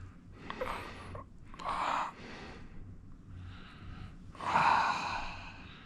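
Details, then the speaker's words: Man receiving a deep face, head and jaw massage takes several deep, audible breaths in a quiet room, the last a long loud inhale and sigh-like exhale; ordinary deep breathing without distress. "Okay. Big breath. Oh, that was big."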